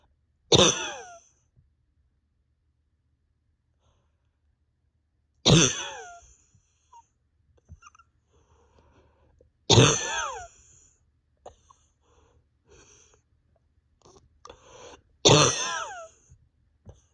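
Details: Four loud, harsh single coughs several seconds apart, each with a strained voiced tail, soft breathing between, with pain deep in chest and stomach; over 32 hours awake, bronchodilator not helping; cough.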